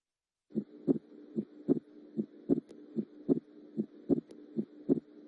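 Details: Heart sounds from a heart-sounds workshop: regular paired beats at about 75 a minute, with a steady low background hum.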